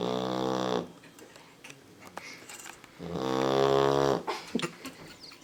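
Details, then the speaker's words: Sleeping Labrador puppy snoring so loudly it was first mistaken for a passing motorcycle: two long, rattling, buzzy vibrating breaths with quieter gaps and small noises between. "She thinks she's clogged up or something? She sounds like a motorcycle. Vroom vroom."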